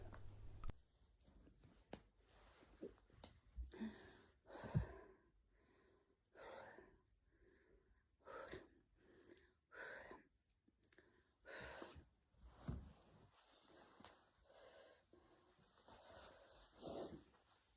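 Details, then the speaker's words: A 51-year-old woman in menopause during a real panic attack in the morning before leaving for work. Her breathing is irregular and uneven, with yelps, sighing, catching inhalations and swallowing, and she has recurring nausea. Erratic breathing during panic attack. "You can hear the yelps I'm doing, because it's just getting worse and worse and worse. I struggle even put my socks on. I'm breathing through it."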